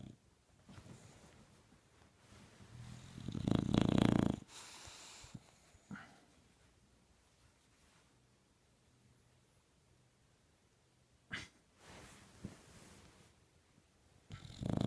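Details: Bulldog snoring: a few rough snorting snores separated by quiet pauses, typical of a flat-faced dog.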